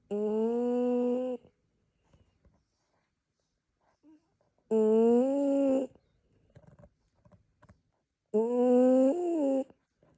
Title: Snoring mini schnauzer steals the show this christmas! #christmas #schnauzer